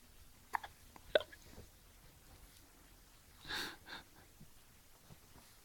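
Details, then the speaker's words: Hiccups: two short, sharp hiccup catches, then a soft breathy puff, in a quiet room while someone remarks on the hiccups. "You got hiccups. You have. You got the hiccups."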